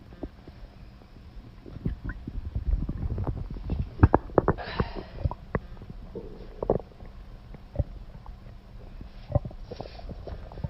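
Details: Irregular gurgles, squelches and low rumbles from the belly of a girl who has been holding in a bowel movement all day with a strong urge to defecate; stomach growling (borborygmi).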